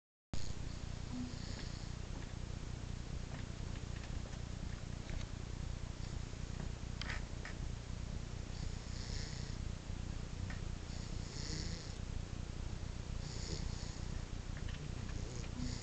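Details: Snoring during a nap: steady low rumbling breath noise with faint rhythmic hisses over a constant hum.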